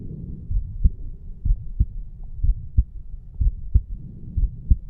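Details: 34-year-old male, heart recorded at the mitral valve area after the farmer's walk exercise: clear, low lub-dub heartbeats at about 65 a minute with some rubbing noise, normal heart sounds.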